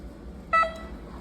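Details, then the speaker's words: Against a steady hum, a short two-part electronic start-up tone as a Mindray PM-8000 patient monitor powers on after disassembly and reassembly, to check it works as before. "Bueno ahí podemos ver que él ya está prendiendo bueno para comprobar que esto esté funcionando como el inicio"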